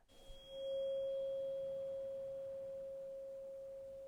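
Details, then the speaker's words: Simulated Rinne test in a role-played cranial nerve exam: tuning fork placed behind the ear, then moved in front; a pure, steady hum slowly fades, ending with brief speech. "I'm going to be placing the tuning fork onto just behind you here okay and I want you to tell me when you can't hear the sound of the tuning fork anymore"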